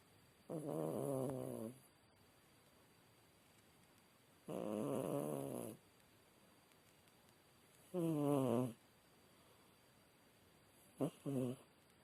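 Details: Sleeping cat: slow rhythmic buzzing snores on each breath, about 18 a minute; ordinary harmless snoring.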